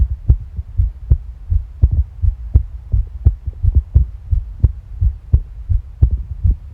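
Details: Stomach and heart sounds: a low, steady thumping heartbeat of about 86 a minute mixed with soft gurgling bowel sounds.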